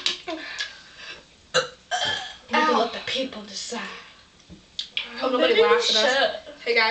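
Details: Deliberate belching in a burping contest among three young people drinking pop: several loud, drawn-out voiced burps with laughter and chatter between them.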